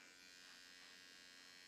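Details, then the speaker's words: AOS Nano Infusion Pen (nanoneedling) running on blue setting over the crow's feet area with gold serum, moved slowly without pressure; quiet, steady electric buzz of the handheld pen against the skin. "Same thing, I can stay on blue. I can use my gold serum on the crow's feet."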